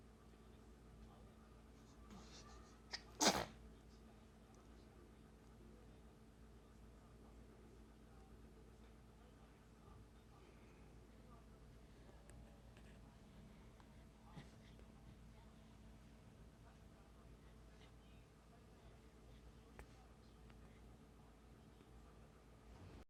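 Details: A 10-day-old newborn making faces: a single brief, high-pitched sneeze over a steady room hum, otherwise quiet; a normal newborn sneeze.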